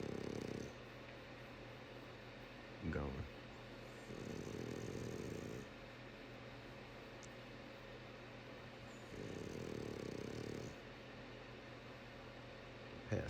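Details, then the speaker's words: French bulldog passed out asleep after a ride: two long, rough, rattling breaths about five seconds apart over steady room hum, likened to a dinosaur; flat-faced dog snoring. "Passed out. Snoring. Dang, man, you might need a CPAP or something. Good God. Sound like a dinosaur, dude."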